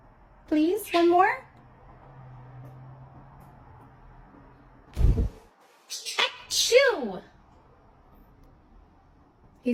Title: He hasn’t been doing the fake sneezes as much as he used to, but I caught these on camera ☺️